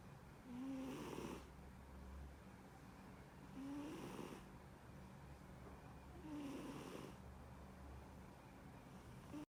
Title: Cat snoring